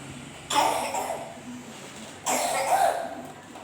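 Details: Child who is ill with a cough: two separate harsh coughs with light room noise in the background.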